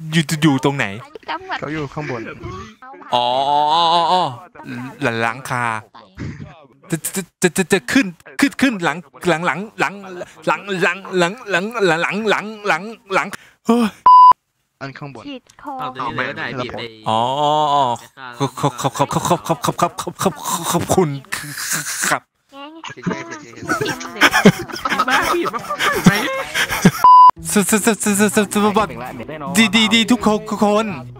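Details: Male host deliberately pretending to stutter as a prank, with part-word and word repetitions; finding: stuttering (imitated).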